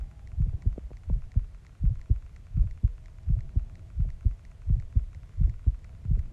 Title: #ASMR #heartbeat 07 After shower シャワー後